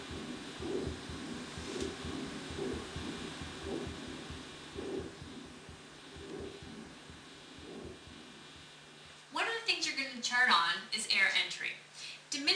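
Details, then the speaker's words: Stethoscope auscultation of a two-day-old baby girl: soft, regular swishing breaths, with a voice speaking briefly at the end. Normal breath sounds. "normal breath sounds sound like sort of soft swishing noises and here's an example that was recorded um from an oscilation of a two-day old baby girl"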